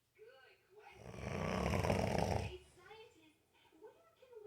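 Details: A 28-year-old man snoring in his sleep, unaware that he snores: one strong, rough, rattling snore on the in-breath, with softer breathy snorts before and after.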